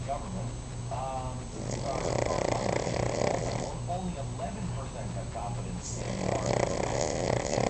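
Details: Cavalier King Charles spaniel snoring while asleep, owner thinks dreaming: continuous noisy breathing with rattling snore sounds over steady background noise.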